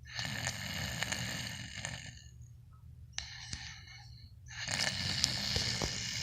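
Harsh, rattling breath noises repeat with each breath, with a pause between, in a quiet room: snoring.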